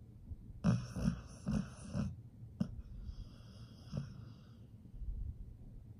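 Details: Sleeping pit bull: soft, rough, snorting breath sounds with some whistling on the breath; snoring.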